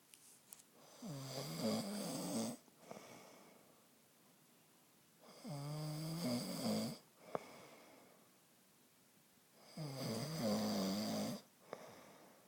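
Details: Man snoring at night, recorded on his phone: three loud, rattling inhaled snores about four seconds apart, roughly 14 breaths a minute, with quiet exhalations between; ordinary snoring.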